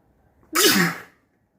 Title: Snotty sneezes